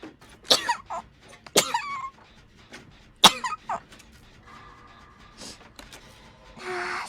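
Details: Sneeze from a VTuber during a livestream.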